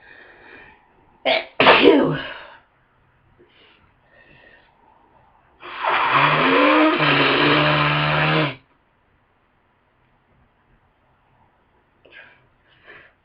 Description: I just woke up with a wicked head cold. It brought really powerful sneezes and a lot of congestion.